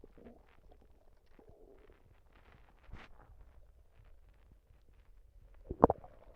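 Quiet gurgles and bubbling rumbles from the belly with a louder gurgle near the end; ordinary bowel sounds.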